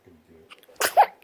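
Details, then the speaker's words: A soft inhaled catch, then one sharp, brief sneeze from an infant; only a single sneeze. "Just the one? Just one sneeze?"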